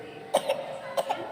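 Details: Infant coughing while eating batagor: two short pairs of small, dry coughs in a quiet room.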